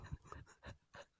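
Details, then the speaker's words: A sleeping pet dog snoring loudly, with rough, low, rhythmic breath sounds in a quiet room. "uh Ruby is snoring so if you can hear that apologies that's what that was I heard it I'm like was that a snore yeah she is she is snoring and it's quite loud next to me"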